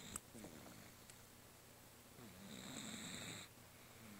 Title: Cat is snoring